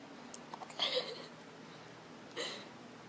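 Two brief, sharp, breathy catches about 1.5 seconds apart in a quiet room, fitting hiccups.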